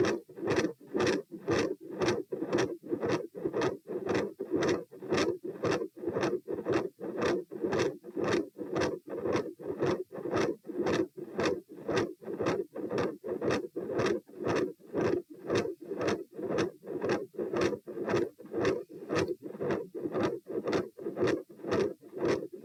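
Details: Heart auscultation stress test at position P, rates 90-102-132-78 bpm while lying, sitting, standing, then lying, in hot weather: beats near 115/min, rough mid-systolic murmur, very loud S2.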